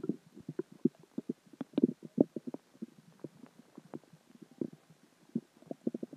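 Rapid, irregular gurgling pops and bubbling throughout: active stomach growling from food, water and gas, a normal finding.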